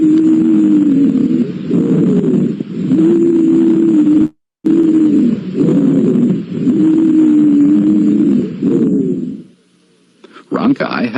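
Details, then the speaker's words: Teaching example of wheezes in a lung-sounds review lecture: repeated continuous, musical, relatively high-pitched whistling tones with each breath, of hissing or shrill quality, at a fairly steady pitch. "wheezes are relatively high pitched and have a hissing or shrill quality"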